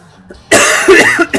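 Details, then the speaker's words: Cough from an adult who says he is still ill with a sore throat, heard while talking during gameplay: coughing sounds. "Я все равно еще, ну, слышите, в конце концов, кашляю. Я все равно еще болею."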